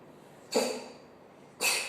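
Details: A cat with a cough, taken to the vet. Two short, harsh, hacking bursts about a second apart; repeated cough.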